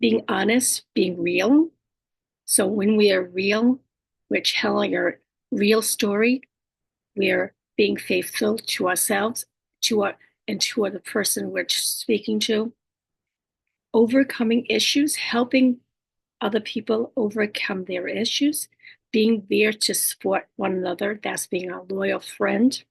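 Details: Adult woman with speech disorders after a stroke, whose communication can sometimes be hard to understand: aphasia with apraxia of speech and dysarthria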